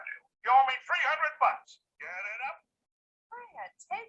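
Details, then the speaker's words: Simulated moderate hearing loss: Flintstones cartoon voices sound muffled and filtered; a true moderate or severe loss would let you hear even less. "if it was a true moderate or severe hearing loss you would hear a lot less"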